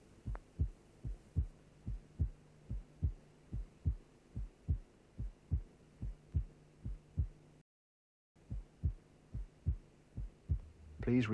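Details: Simulated heartbeat at about 72 a minute, from a cardiac auscultation teaching programme, with a steady low hum: the first sound lower and longer, the second shorter and higher. Normal first and second heart sounds.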